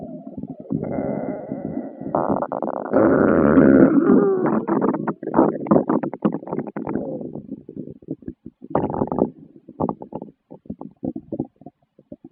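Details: Adult stomach growling: loud, drawn-out gurgling and rumbling bowel sounds (borborygmi) of normal digestion.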